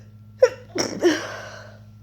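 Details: Person coming down with a cold, inducing sneezes and trying to stifle them: short breathy intake, then a stifled burst and a second partly held-back sneeze in a quiet room.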